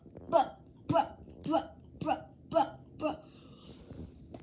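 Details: Comedy skit about a friend who never stops snoring: six short, sharp voiced hiccup-like catches about half a second apart, likely playful imitation rather than true hiccups.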